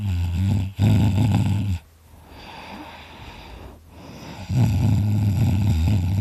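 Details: Loud, rough, low rattling snores on inhalation with quiet exhalations between, during a nap; snoring.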